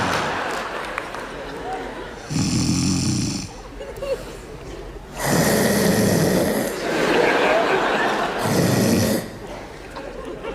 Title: Принцессы не храпят 😸😼😸